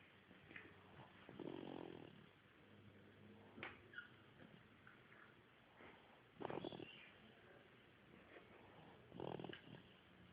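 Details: Snoring: soft, irregular rattling snores recur every few seconds over faint room noise; ordinary snoring.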